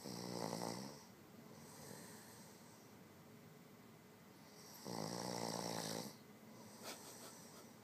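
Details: Man sleeping deeply with mouth wide open: loud, rough, vibrating snores on the in-breath, two clear episodes with quieter breathing between them. Snoring.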